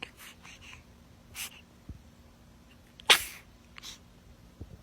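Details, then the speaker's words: A baby's single sharp, high-pitched little sneeze in a quiet room with small breathy sounds beforehand; sneeze. "Oh, goodness. Were you about to sneeze? Are you okay?"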